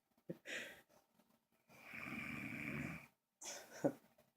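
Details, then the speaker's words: Sleeping friend snoring loudly: a long, rough snoring breath between short snorts and sniffs in a quiet room. "hello everybody folks like to channel a seer saw while recording because my friend here he snores like an animal buzzing hello not just glows like a beast bucks away yeah"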